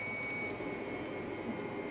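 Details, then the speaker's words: Cough assist machine running as exhalation toggle is checked at negative 15 after inspiratory pressure set to positive 15: continuous airy blower roar with faint steady whine. "now I'm going to check the exhalation pressure the negative pressure toggle to the exhalation side and I'm currently exactly where I need to be set I'm at a negative 15"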